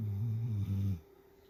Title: Let sleeping (and snoring) dogs lie. 😴